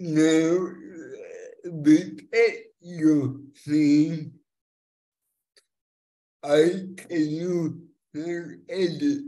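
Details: Young multilingual woman with cerebral palsy since birth affecting her speech, who uses a speech-recognition app to communicate; finding: dysarthric speech (cerebral palsy).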